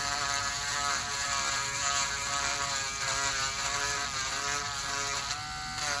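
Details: Male dialysis patient with high blood pressure, severe suspected fungal toenail infection, samples sent to lab: high steady whirring podiatric nail burr with slight pitch shifts under load, reducing thickened toenails.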